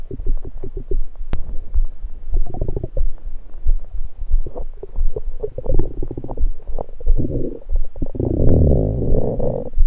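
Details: Adult's abdomen recorded after drinking soda, partly lying on left side: repeated low gurgles, pops and bubbling rumbles building into a longer churning gurgle, with soda entering the stomach and burps; active bowel sounds (borborygmi).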